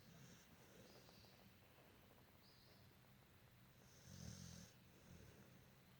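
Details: Sleeping dog that, per its owner, snores a lot; soft, low rattling breaths with a louder snorting snore near the end, over steady room noise; snoring.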